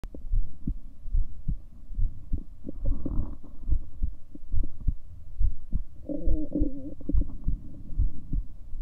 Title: 7 min recording for my heartbeat sounds